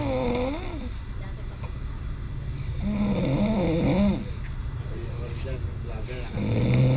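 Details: Loud, rough, buzzing snores recur with each breath over a steady low rumble of background engine noise; snoring.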